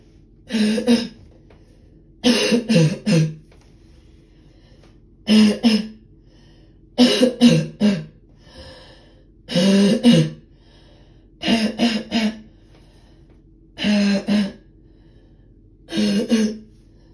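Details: Deep barking cough that the person says is hurting their throat: eight harsh, deep cough bouts, some single and some in quick runs of two or three.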